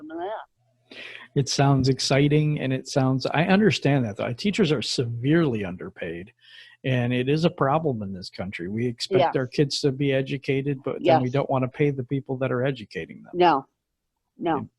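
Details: Adult male speaker; typical speech.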